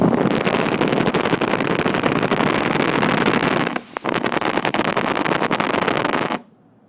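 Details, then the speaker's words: Needle EMG of a severely weak biceps with a few fibrillation potentials, at minimal activation: a dense, crackling rush of many very brief, some small, myopathic motor unit potentials, showing early recruitment. "So that's that typical early recruitment, right? You see a lot, and you hear the pitch, you hear the tone. It changes completely from what we saw in the vastus."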